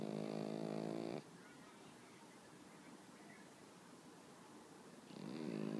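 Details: Pet Pekingese sleeping on its owner, snoring peacefully: loud, buzzing snores with a quiet pause between them.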